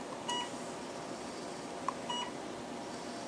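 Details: Two short, clear electronic beeps over steady room hum as a veterinary diode laser system (DL-15AB) with surgical handpiece is activated and fires, set at 15 and run by switch.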